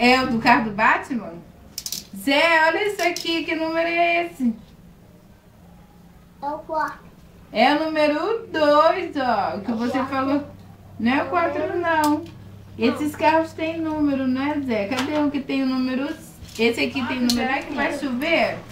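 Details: Adult woman speaking Portuguese to a young child; Normal speech.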